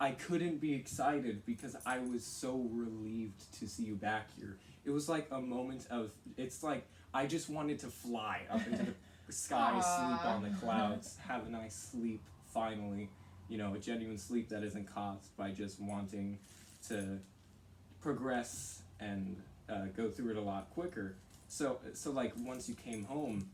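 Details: Young adult male speaker; normal speech.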